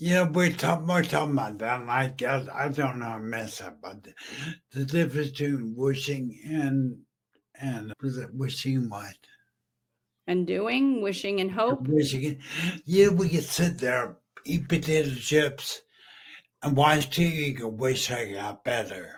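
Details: Adult male stroke survivor with brain injury, previously mute, in a wheelchair for about 15 years, with an ongoing speech deficit; aphasia after stroke.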